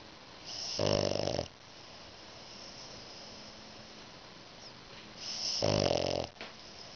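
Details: French Bulldog snoring while lying between the owner's legs, eyes open: two loud, rattling snore bursts a few seconds apart, each with a harsh vibrating buzz on the breath.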